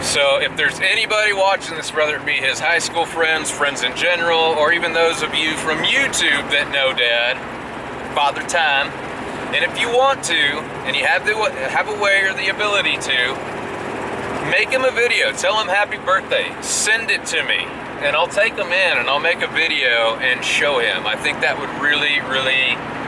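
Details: Adult male speaker, with road noise from a vehicle; ordinary speech.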